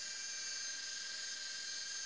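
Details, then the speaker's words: Steady high-pitched whine of a surgical drill boring a hole for a 1.8 mm all-suture knotless anchor through the superior portal during a cadaveric arthroscopic Bankart shoulder repair demonstration. "Here you can see we're going to drill it through the superior portal as that gives me a good trajectory."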